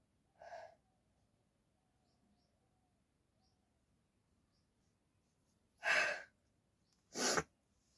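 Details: A brief faint breath-in, then after a quiet pause two sharp, forceful sneezes in quick succession, deliberately induced with a cotton bud for a sneezing challenge, without a handkerchief.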